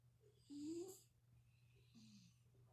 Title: Kitty snoring ❤️ (Turn volume up!) #cat #relax